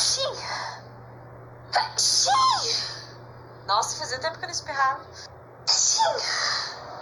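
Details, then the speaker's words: A few sharp, explosive sneezes with quick breath intakes between them over a low steady room hum; the person had not sneezed in a long time; ordinary sneezing. "Nossa, fazia muito tempo que eu não espirrava."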